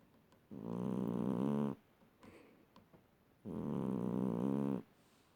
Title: My cat is snoring #funny cats